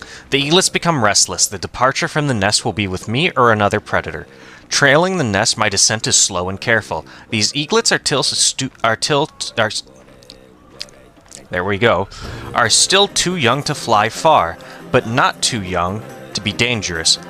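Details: Stuttering with word repetitions from an adult man who says he has a stutter and sometimes repeats words many times.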